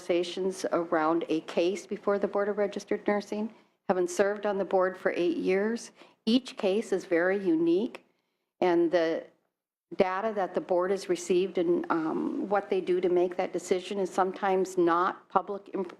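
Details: Adult woman speaking; normal voice.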